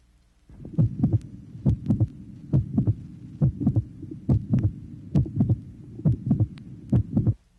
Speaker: tracing number 13 particular type of systolic murmur heard only at the end of systole the late systolic localization of the murmur can be detected